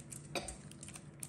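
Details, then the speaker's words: Single short, soft cough from a young child who is unwell, crazy bad runny nose, possibly teething; quiet room noise. "They also got a cough, kind of, and it's a bit much,"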